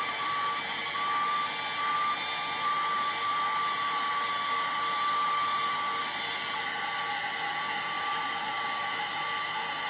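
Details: Steady high-pitched whine of a spinning rotational atherectomy catheter over room noise during a live endovascular case, making multiple cuts in a small-diameter diseased artery segment.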